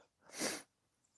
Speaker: I'm gonna get so wrecked. Achoo! Ah, my throat's itching as well.